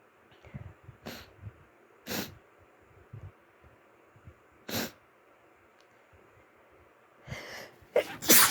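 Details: An adult almost recovered from flu gives a run of about six short, sharp sneezes ending in a quick cluster, with soft wet sniffles between them.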